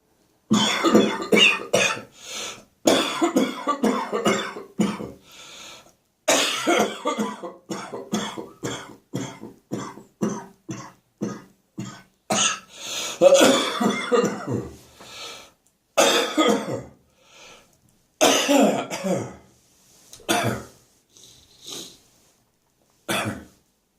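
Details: Adult severe morning coughing fit: a long run of harsh, rapid coughs in clustered bursts with brief gaps.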